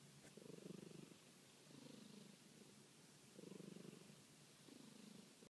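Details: A resting cat with her eyes covered purrs and snores: steady rhythmic purring that rises and falls with each breath, with a soft snoring quality.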